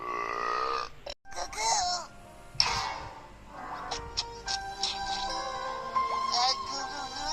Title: burps compilatión 78